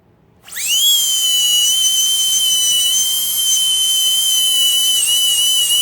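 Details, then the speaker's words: Piercing, steady high whine of a high-speed dental drill with a shoulder prep bur, correcting slight wall divergence during crown preparation of a lower canine. "We'll go back to our shoulder prep burr, and if you see, there's still a little bit of divergence."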